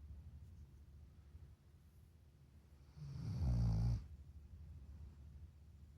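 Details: A single low, rumbling snore of about one second over quiet room noise; snoring.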